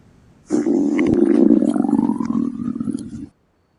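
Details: Stomach growling (borborygmi) at night on a beach, person reports being very hungry: a loud, sustained low growl of about three seconds with a rising whine.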